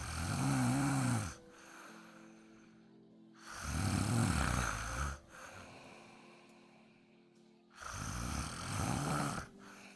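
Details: Loud, rumbling snores on each breath, about three in ten seconds, with quieter airy exhalations between them, from a sleeping dog with faint music underneath: dog snoring.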